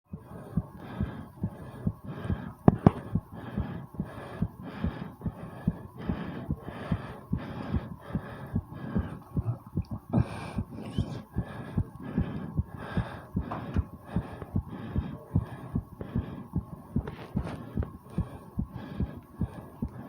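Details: Rapid, regular heartbeat with heavy breathing right after 20 squats: tachycardia after exercise, with stomach sounds also featured.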